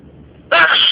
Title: First sneezing of 2011